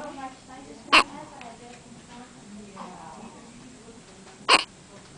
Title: Hiccups 4